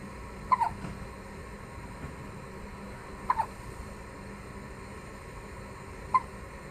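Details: Baby twins alternating hiccups: three soft, brief hiccup sounds spaced a few seconds apart against steady room hum.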